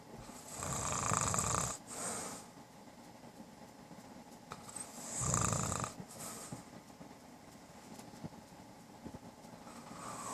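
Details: Adult man, long-term snorer of about 13 years, recorded by his wife: two loud rattling snores about four seconds apart with quieter breathing between; snoring.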